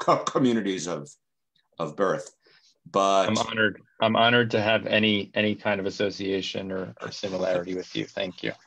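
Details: Adult man speaking; normal speech.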